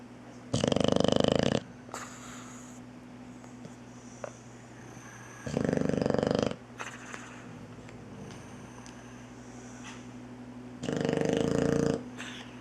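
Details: Sleeping Boxer puppy snoring while nursing a kitten: loud, rough snoring in three long bursts about five seconds apart, faint steady room hum between them.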